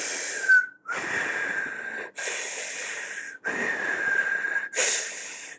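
Imitated wheeze: repeated breaths with a steady high-pitched whistling tone, showing narrowed small airways.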